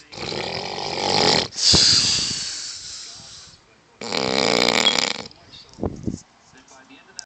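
Loud, harsh rattling snores on the in-breath, two long cycles with quieter breathing between; typical snoring.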